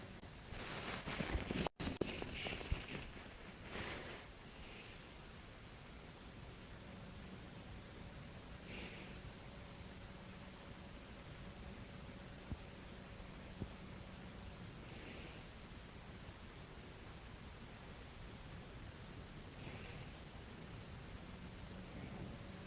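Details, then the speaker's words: Soft, slow sleep breathing and snoring at about 11 breaths a minute, faint over a steady hum, with rustling at the start; recorded at maximum volume. "寝息、いびき。よく聞こえるように音は最大にしてます。"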